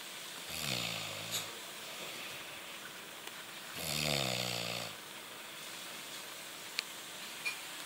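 Two low, buzzing snores about three seconds apart over steady room hiss, a fluttering vibration on each breath.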